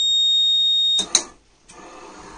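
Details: New electro-mechanical ventilator being demonstrated: a steady high-pitched electronic alarm tone sounds, then stops abruptly with a click, leaving faint room noise; ventilator alarm.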